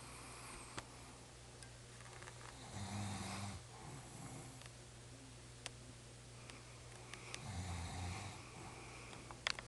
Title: Snoring makes ME laugh